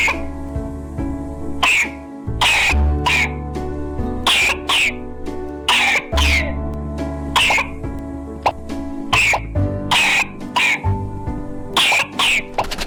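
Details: Person's brother coughing: repeated short, sharp coughs and throat clearing, with crying and screaming nearby, over loud music in a room.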